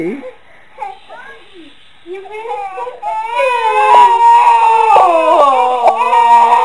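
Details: Infant scared by mother's big sneeze: fussing that builds into sustained, loud, rhythmic wailing; infant cry.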